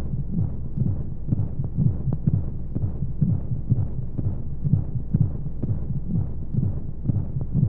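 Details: Womb-sound sleep aid for babies: steady muffled low thumps, roughly 125 beats a minute, with a soft whooshing hum behind them, a heartbeat as heard from inside the womb, with white noise; heartbeat.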